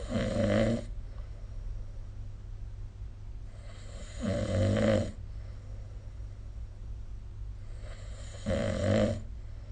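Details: Snoring during sleep, recorded with the SnoreLab smartphone app.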